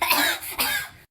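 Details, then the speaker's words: Two quick, harsh cough bursts in a small room, acted in an Indonesian comedy skit: a child denies coughing so he can buy ice cream, and his mother refuses because he is coughing. "Tuh, kan bener batuk. Tadi nggak batuk kok, Ma. Nggak batuk terus itu namanya apa?"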